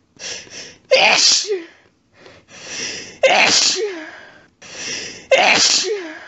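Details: Woman in bed with a sneezing fit set off by a pet-sat cat lying under her chin, after being sneezy all day; three forceful wet sneezes in quick succession, each with a sharp inward gasp, recorded on a cell phone.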